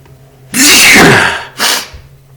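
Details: Adult man who had a few drinks, sneezing while talking: one loud, forceful voiced sneeze followed by a shorter second burst, in a quiet room.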